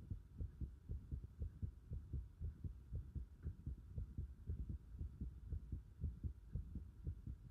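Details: Heart sounds recorded with a pulsation at the pit of the stomach (epigastrium): steady, fairly fast, regular low heart thumps over a faint hum; an ordinary heartbeat.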